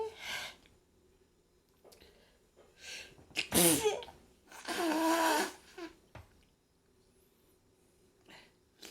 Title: Sneezing and blowing nose